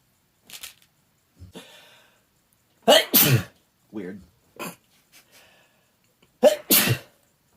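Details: Male who is not feeling well today, sneezing in a bedroom: two loud, forceful sneezes, each preceded by a sharp intake, with softer breaths and a brief voiced sound between.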